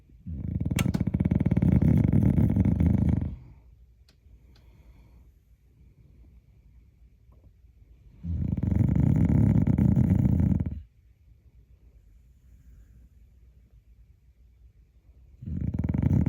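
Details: Sleeping dog snoring loudly like a hog: rattling snores with long inward breaths and quiet pauses, about 8 breaths a minute.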